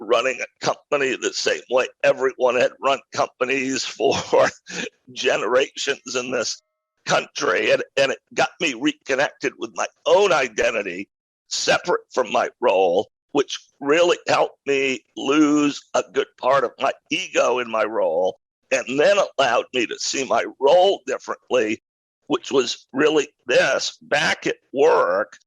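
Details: Adult male with a rare neurological voice disorder acquired in 2012 that made speaking difficult, still audible in his speech today: neurological voice disorder.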